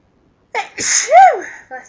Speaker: Achoo! Oh, bless me. Achoo! Let's see. Achoo! Sneeze. Achoo! Can't stop sneezing.